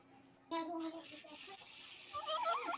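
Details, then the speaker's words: High-pitched inspiratory crowing stridor from bilateral vocal cord paralysis in a newborn, with a fainter expiratory phase also present; an example of neonatal airway compromise. "And this is high-pitched inspiratory crowing stridor of a bilateral cord paralysis. And if you listen closely, there's also an expiratory phase."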